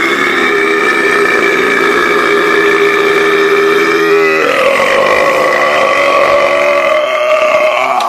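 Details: One long, loud, drawn-out belch whose pitch shifts partway through, consistent with a forced burp; burping.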